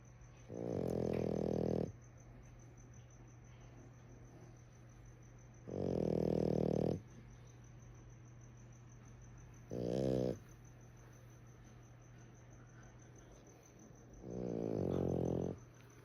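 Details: Female merle French bulldog in deep sleep: four deep, rumbling snores over 16 seconds, each one to two seconds long with a rough, vibrating quality, over a steady hum; snoring.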